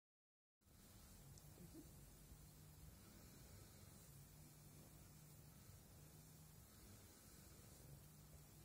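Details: Steady, even hiss of airflow with a faint low motor hum from a running CPAP machine, with a Cornish Rex cat nearby; CPAP machine airflow noise.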